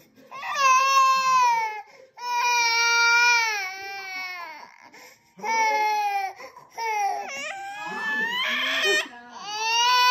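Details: Long, loud rising and falling wails with brief breaths between from babies at a baby meetup, crying after one another; infant crying.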